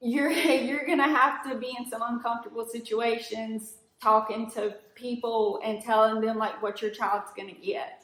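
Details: Adult woman; typical speech.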